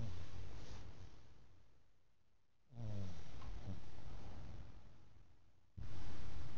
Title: Sumo snoring after a hard day at work